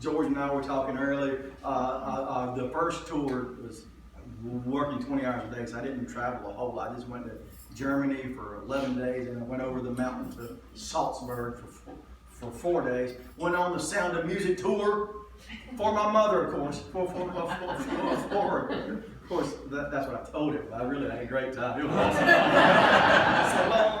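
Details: Adult male comedian who stutters, lifelong ("doing it forever"), says he was stuttering pretty badly in one story and does not hear his own stutter; stuttering.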